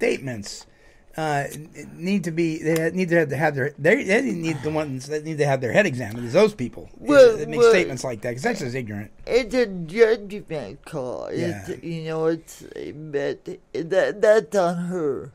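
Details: Adult speaker; typical speech.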